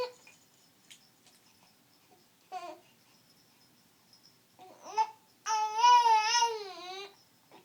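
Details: Baby with hiccups: soft infant vocal sounds, then a short wavering cry of about a second and a half in a quiet room: infant cry.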